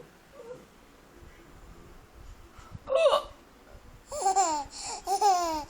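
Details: A single short, abrupt hiccup in a quiet room, followed by a baby's bursts of laughter.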